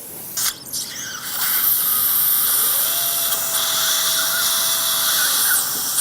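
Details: Dental drill during live mini dental implant surgery (2.5 by 13 mm implants) replacing two missing single teeth, right site: high-pitched whine running steadily with a sustained tone while preparing the implant site.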